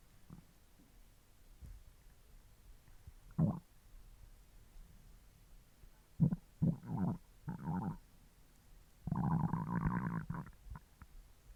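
Low gurgling growls coming in irregular bursts, ending in a longer rumbling stretch; ordinary stomach growling from hunger.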